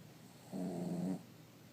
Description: Aaron the 3 year old Cavalier King snoring.